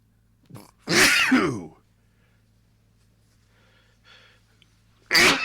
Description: A longer sneezing fit I was able to record, thanks to my allergies.